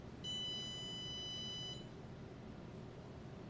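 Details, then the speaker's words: Pulse oximeter reading arterial oxygen saturation of 90% on a patient being placed on a 35% simple oxygen mask: a single steady high-pitched electronic tone lasting about a second and a half, over quiet room noise. "I then would take my pulse oximeter which measures the oxygen saturation in her arterial blood"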